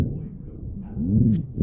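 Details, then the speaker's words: Simulated student scenario of a COPD patient, auscultated over the back while breathing on cue: low-pitched, rumbling snore-like breath sounds, rhonchi from airway secretions. "Moi, ce que j'entends, là, dans le fond, c'est des ronchites."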